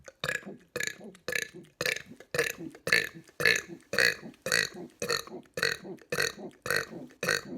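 About fourteen short burps in a steady run, nearly two per second; repeated voluntary belching.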